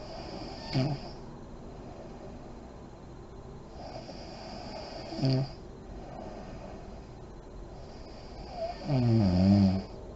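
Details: Adult woman (a mother) asleep with lights on, described as deep REM sleep: slow sleeping breaths, a few ending in low rattling snores and one soft lip-fluttering exhale; snoring.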